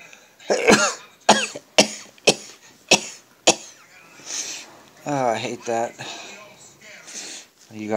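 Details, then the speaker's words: An adult's nightly sneezing fit at about 1 a.m., described as quieter because of tiredness: six sharp, explosive bursts in quick succession, then some voiced sounds; a run of repeated sneezes. "the nighttime ones aren't as loud because I'm kind of tired"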